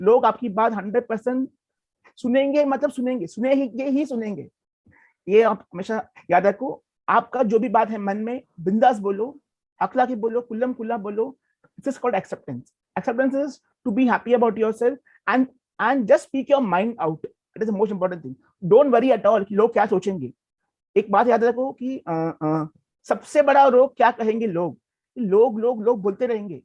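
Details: Adult who stammers, a guest in an interview series on people who stammer; word repetitions noted in this stretch; stuttering.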